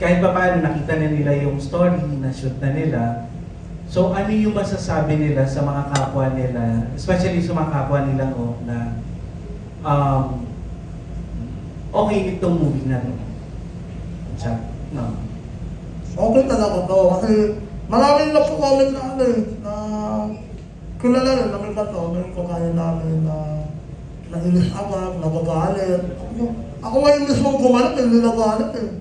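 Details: Film cast member who has 'ngongo' nasal speech, describing being imitated and bullied over his voice in high school: hypernasal speech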